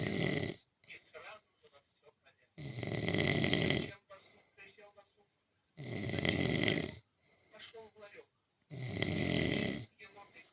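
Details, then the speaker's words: Cartoon snoring: loud, rasping snores about every three seconds, roughly 20 a minute, with softer sounds between, and Russian dialogue telling a bunny and a kitten that they snore. "сразу зайка Ты храпишь котнок храпишь да"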